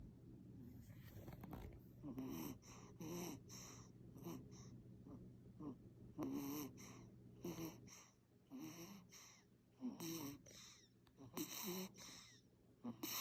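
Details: A sleeping infant makes soft, repeated snoring and snorting noises with each breath; infant snoring.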